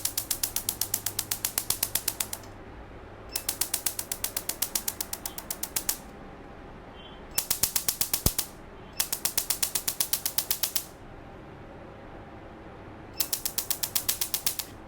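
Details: Laser tattoo removal machine firing on a small hand tattoo during a first session (several sessions needed): rapid sharp clicking bursts, about four pulses a second, in runs of a few seconds separated by pauses.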